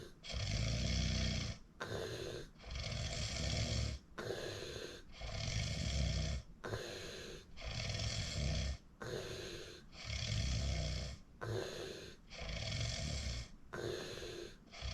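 Regular loud, coarse snores at about 12 breaths a minute, each inhale and exhale rumbling; persistent heavy snoring.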